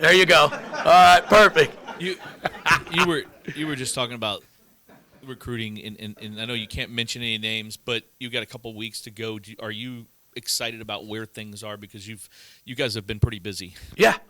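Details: Adult male speaker, interview; typical speech.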